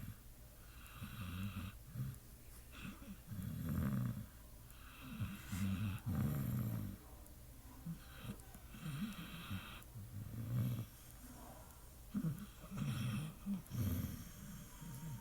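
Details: Pit bull dog sleeping and dreaming, with real sounds: deep, rattling snores repeat every couple of seconds as the dog breathes. Loud dog snoring.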